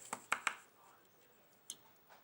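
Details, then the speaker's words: Enterolith from a horse's large intestine, shown during colic surgery: a few sharp, hard knocks showing how solid it has become. "So it was string probably sitting in the large intestine for a long long time and um basically salts form on it and they form these sort of hard structures. This is another one. And if you have a listen, you can hear they turn into quite solid solid"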